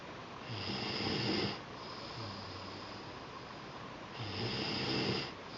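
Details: Two weeks after a second supraglottoplasty, the usual stridor is replaced by slow, deep, rattling snores, about two breaths in five seconds: noisy sleep breathing from a narrowed upper airway.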